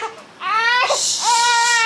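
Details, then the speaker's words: Young baby, colicky with digestive issues, waking after a 29-minute nap, spitting out the pacifier and eating her hand: loud, high-pitched wailing cry bursts when the pacifier is offered; an ordinary fussy cry. "she woke up from this nap um spit out her pacifier started like ferociously eating her hand and then um I tried putting the pacifier in her mouth she cried"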